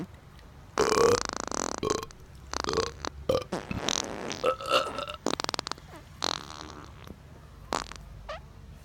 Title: Burps